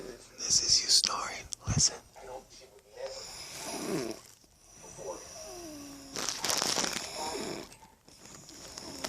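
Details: Snoring from a sleeping adult woman who dozed off without a pillow: hissy, rattling sleep breaths with some low fluttering tones.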